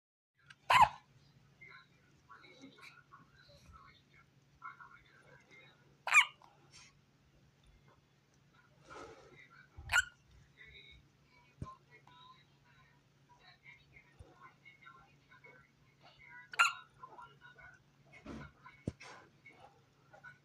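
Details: Newborn infant boy, born 23 December 2023, hiccupping: short, sharp little gulping sounds every few seconds, about 11 a minute, in a quiet room.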